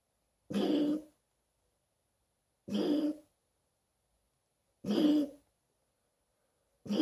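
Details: Dog coughing, June 2017: three separate harsh, honking coughs, each about half a second, spaced a couple of seconds apart.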